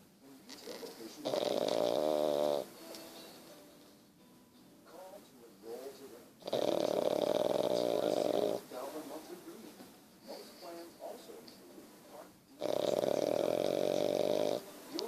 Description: Sleeping snoring pug. Funny